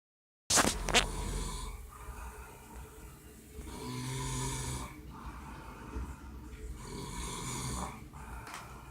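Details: Adult man snoring in heavy sleep after a rough night: a sharp snort, then drawn-out rough, rattling snores over several breaths, with noisy room sound behind.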